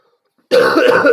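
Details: A single short, harsh cough after a brief silence, rough and partly voiced, like a throat-clearing cough.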